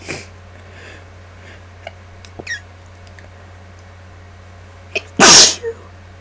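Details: Induced sneezing in a person sick for 8 days, congested with a nearly lost voice, recorded with mic gain turned up: a few small clicks and sniffs, then one loud, explosive sneeze over a steady low hum.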